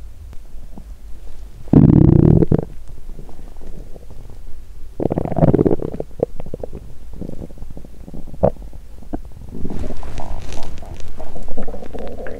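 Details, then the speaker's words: Low gurgling, rumbling stomach noises with loud bursts, likened to construction noise, from a hungry person during days 1–4 of a first 7-day fast after holiday overeating: hunger bowel sounds (borborygmi). ""เอ๊ะ!ฉันได้ยินเสียงก่อสร้างดังมาจากท้องของฉัน!""ท้องของฉันเลียนเสียงการก่อสร้างหรือเปล่า""เป็นวันที่ท้องร้องแต่เสียงก่อสร้างดังสนั่น"“โอ้ยท้องร้อง”"เสียงดัง"."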